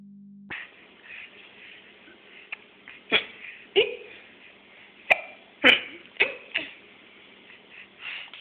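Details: 15-week-old infant boy with hiccups: repeated short, sharp gulping sounds at irregular intervals, roughly 10 in 8 seconds.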